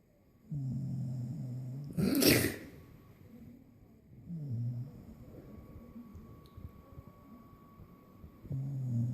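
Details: Puppy snoring after a long, tiring day: low, buzzing snores on each breath, broken once by a sharp burst like a sneeze or snort.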